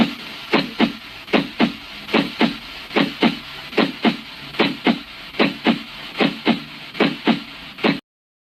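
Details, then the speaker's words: Normal heart sounds: regular lub-dub about 75 a minute; S1 (mitral and tricuspid closure, best at apex) and higher-pitched S2 (aortic and pulmonary closure, best at base), normal first and second heart sounds. "A continuación, escucharemos los ruidos cardíacos normales."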